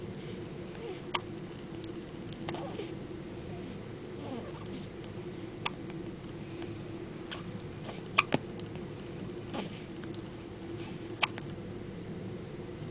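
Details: Male child sitting next to his mother, hiccuping: brief, sharp catches repeat every couple of seconds over steady room noise; hiccups.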